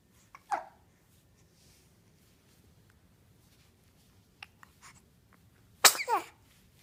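Quiet room with a small sharp burst early, then one loud explosive sneeze near the end; a sneeze.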